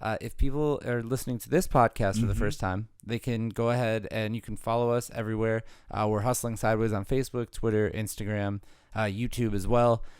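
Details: Adult man; normal speech.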